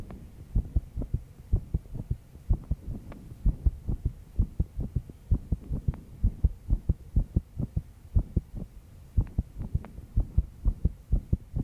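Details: 22-year-old female, stressed after an all-nighter of work, with background noise: fast heartbeat.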